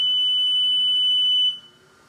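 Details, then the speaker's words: Home oxygen concentrator plugged into a wall outlet and switched on with the front on/off switch: a steady high-pitched beep lasting about a second and a half, then stopping; normal power-on alarm. "when i depress the on and off switch you'll hear an alarm when i turn it on"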